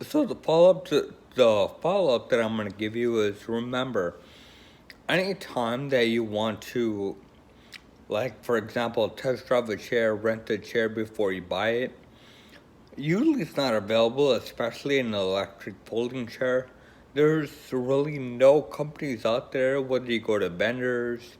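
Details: Woman with Friedreich's ataxia, a progressive neurological condition affecting coordination; ataxic dysarthria (Friedreich's ataxia).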